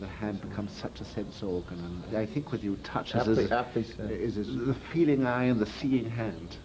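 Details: Adult male speaker; Normal speech.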